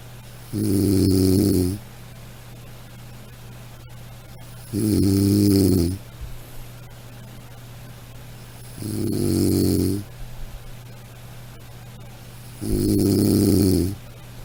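Four regular, low, rattling snores on breathing in, about 15 a minute, with steady room hum between them. Typical snoring.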